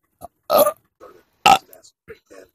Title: Fast motion burps